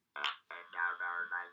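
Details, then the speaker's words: Laryngectomy patient speaking with an electrolarynx held under the chin, device vibrating as lips, tongue and mouth shape flat, buzzing, mechanical monotone speech. "as he moves his lips tongue and mouth you can see that the device is vibrating and allows him to produce speech"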